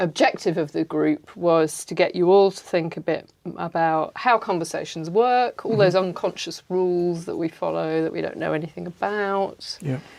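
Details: Adult woman speaking; normal fluent speech.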